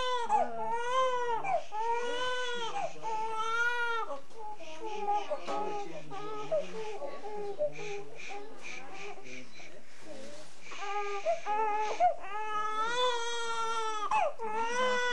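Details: Newborn baby boy with rhythmic, strong wailing cries, brief pauses and whimpers between; a normal newborn cry.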